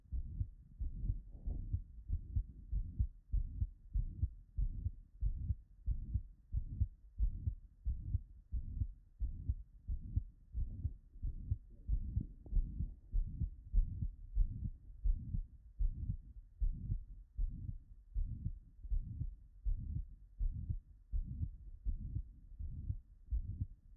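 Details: Digital auscultation of aortic regurgitation: regular heartbeats about 92/min with a soft blowing early diastolic murmur after each second sound.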